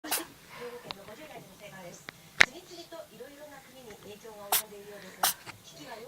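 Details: Young kitten sneezing in a rapid barrage, apparently because water got into its nose while it was still learning to drink. Several sharp, sudden sneezes with soft talking in the background.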